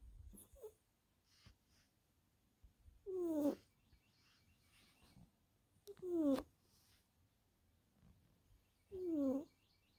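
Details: Sleeping tuxedo cat snoring: soft whistling squeaks on each breath, about 20 a minute, with songbirds singing in the background.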